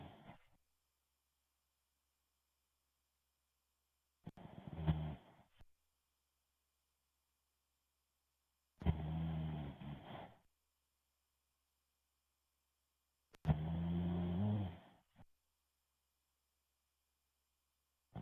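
Three slow, low, rumbling snores separated by quiet pauses, roughly every 4–5 seconds; ordinary sleep snoring.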